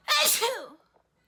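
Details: A woman sneezing: one forceful, explosive sneeze that trails off quickly, from a long session with many sneezes and stifled sneezes with runny mucus.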